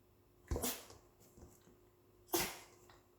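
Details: Two short, sharp, airy bursts in a quiet room, a dog's sneezes, along with a yawn, then begging for a treat; sneezing.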